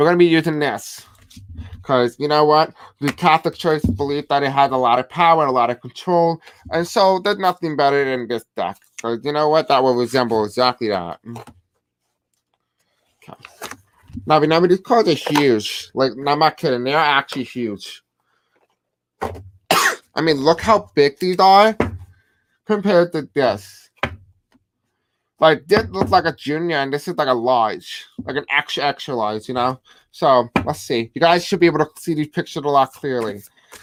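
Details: Man who reports a deaf accent and difficulty pronouncing certain words; deaf speech (deaf accent).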